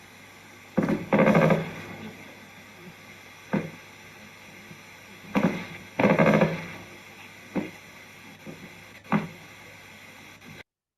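Brief crackling bursts, some grouped in pairs and triplets, recur every few seconds over a quiet hiss: myokymic discharges on EMG.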